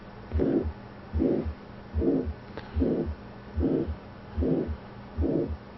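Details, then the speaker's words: Carotid bruit heard over the neck in a USMLE physical-findings teaching example: regular whooshing swishes with each pulse, about 74 per minute, pointing to carotid artery stenosis. "It's the bruit and the carotid artery. And when the bruit is in the stem, you're thinking of carotid artery stenosis, the most accurate test."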